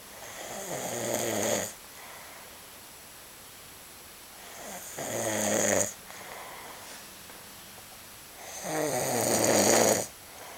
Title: Snore Monster